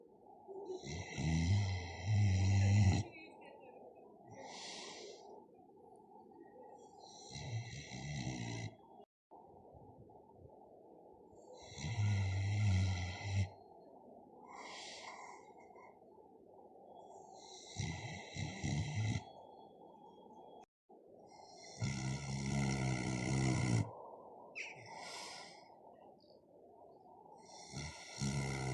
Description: A pig is sound asleep and snoring